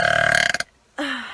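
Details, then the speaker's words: A loud, rumbling voluntary burp (eructation) from a young woman, ending in a brief silence before another voiced sound. "everybody you're gonna hear the loudest burp that you'll ever hear in your whole entire [ __ ] life"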